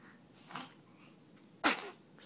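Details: One-month-old infant in a quiet room: a soft intake of breath, then one abrupt, hissy sneeze; a single ordinary baby sneeze.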